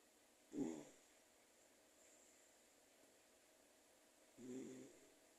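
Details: Sleeping pet dog snoring quietly, less audible than the louder snoring of the household's father; dog snoring.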